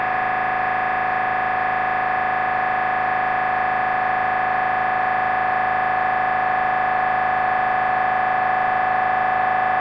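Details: Loud, steady buzzing drone with rapid, even pulsing, about 200 a minute: normal MRI scanner noise recorded during a brain scan.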